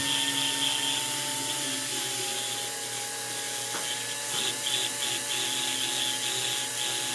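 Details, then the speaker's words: High-speed dental drill whine while preparing a maxillary central incisor for a PFM crown on a Kilgore typodont, bur held straight up and down to avoid undercut pinching; steady high-pitched whine with hiss. "And the way you avoid that is you hold the burr straight up and down this way and work your way down."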